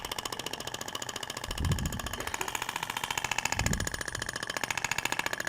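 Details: Radial shockwave applicator moved in zigzag over the abdomen, avoiding rib bony prominences and the umbilical scar, in a practical training demo: rapid, steady clicking pulses, about 214 a minute, against the skin; radial shockwave therapy device firing.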